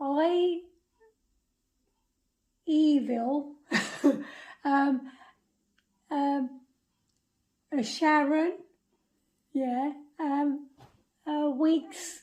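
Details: Woman with aphasia after a 2005 stroke damaging the brain's language area; early on said only a few words, often not in the right order; difficulty getting words out; non-fluent expressive aphasia.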